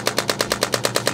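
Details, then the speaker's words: Rapid, even, sharp tapping, about nine pulses a second, from radial pulse shockwave on neck trigger points for right-sided neck and shoulder-blade pain limiting turning left for 3–4 days; radial shockwave therapy device. "yeah so with the shock wve we're really trying to focus on these trigger points or the knots and the muscle if you will"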